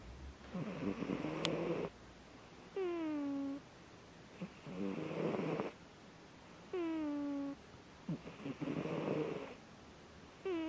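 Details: A sleeping kitten snores in a steady rhythm of about 15 breaths a minute, alternating a rough rattling breath with a high, falling whistle.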